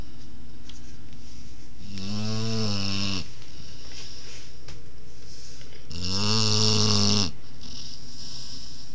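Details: 20-week-old Boerboel puppy snoring at naptime: two loud, buzzing, rattling snores about a second each on in-breaths, about four seconds apart, quiet breathing between; snoring.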